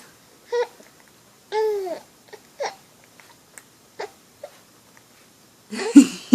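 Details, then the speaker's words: Baby hiccups: brief, squeaky voiced catches repeating irregularly about every second, with an adult talking playfully to the infant boy. "hiccups oo a who's the handsome boy yeah oh you're silly say byebye a bye-bye a"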